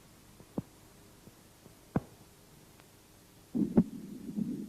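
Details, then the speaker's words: Heart auscultation at the base of the heart: faint normal heart sounds with the second sound louder than the first, as normal at the base; S2 from closure of aortic and pulmonary semilunar valves. "1 тон 2 в норме у основания сердца второй тон громче 1 2 диастолический тон возникает в результате захлопывания и колебаний полулунных клапанов аорты и легочной артерии"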